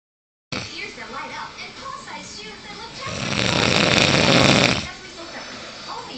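Quiet breathing, then one long, loud, rattling snore on the in-breath lasting about two seconds, fading back to quiet; snoring.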